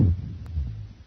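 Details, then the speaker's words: Low, deep, continuous sonorous rumbling through the chest, played as an example during a respiratory assessment teaching demonstration: rhonchi. "ronai are continuous deep sonorous"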